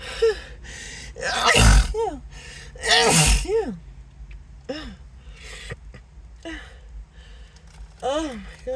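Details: Acted (simulated) sneezing fit: about six repeated gasping sneezes in nine seconds with groans and apologies between; person says nose tingling, irritated, suspects an allergy.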